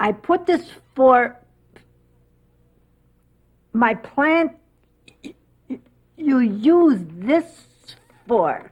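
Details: Woman with aphasia after a stroke 5 months ago, talking around words she cannot recall; aphasia with circumlocution.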